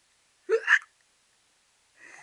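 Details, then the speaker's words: Hiccups in a 6-month-old boy after a diaper change, before a nap: a single brief, sharp voiced catch of breath, then quiet. "somebody has the hiccups you like it when I make fun of your hiccups"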